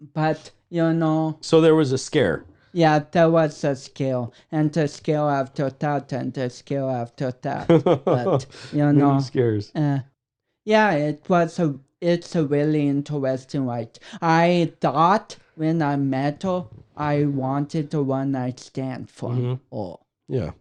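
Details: 32-year-old man with cerebral palsy, which he says affects his speech coordination and walking; dysarthria.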